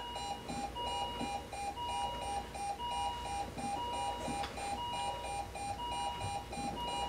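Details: Repeating two-tone electronic alarm beeps, about one cycle a second, over room noise; simulated monitor alarm for ventricular tachycardia in a conscious adult male patient admitted yesterday, prompting a rapid response.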